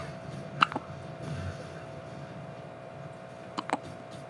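Two brief, sharp catches about three seconds apart over a steady hum; baby hiccups.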